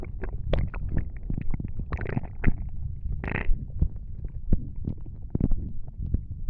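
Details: Stomach noises (borborygmi): low gurgling and rumbling from the abdomen, with irregular bubbling pops and a few longer gurgles.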